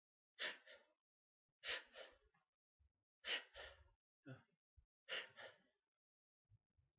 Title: Sneezes